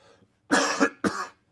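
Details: Coughing from a speaker on a live show while overcoming a cold, throat already feeling strained: two quick, harsh coughs in a row with a throat-clearing quality.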